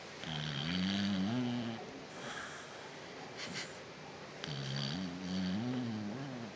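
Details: Dog deeply asleep, not reacting to sudden waking attempts: two long, low, rumbling snores on the in-breath separated by quiet breathing; ordinary snoring.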